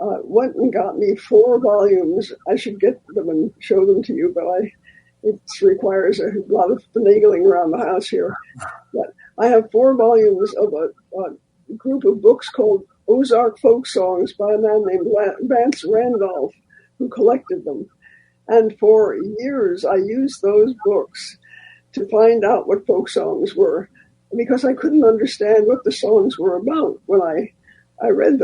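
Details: Dysphonia in a man who recently lost a vocal cord, a former singer; he states the loss was not caused by the polio he had in 1948.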